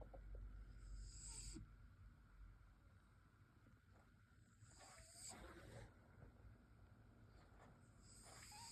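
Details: Sleeping cat snoring softly, with a hissing, whistly wheeze on each breath; snoring with wheeze.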